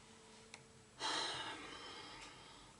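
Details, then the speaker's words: A cat snoring in a quiet room: a faint click, then a single soft, hissy breath noise that slowly fades. "I don't know if you can hear that but that's my cat Clyde she's snoring oh God I'm really sorry if you can hear that"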